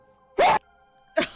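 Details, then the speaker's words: An adult's sneeze during a live-streamed podcast, clipped by audio processing into two abrupt bursts over steady background tones, sounding like a brief cut-off scream; sneeze. "I I think I sneezed okay oh my God sorry that scared the hell"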